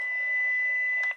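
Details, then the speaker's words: AED demonstration: after the "shock advised, stay clear" prompt, the operator presses the flashing orange button, and a steady electronic tone ends in a brief burst as the shock is delivered. "shock advised stay clear of patient press the flashing orange button now"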